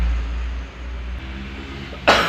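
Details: An adult man coughs once, harshly, at the end, after low rumbling room noise, while smoking a heavy cigarette he rarely smokes; says his throat feels scratched: irritation cough.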